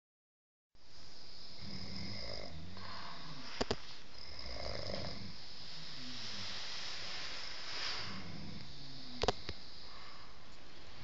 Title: Snores on all sides